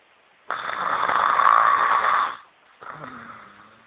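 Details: Adult woman snoring: one long, loud, harsh rasping snore, then a shorter, softer one after a brief pause.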